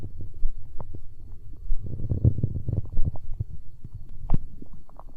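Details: Hunger stomach growl recorded up close for ASMR: loud, low, bubbling growls and gurgles running together; ordinary borborygmi.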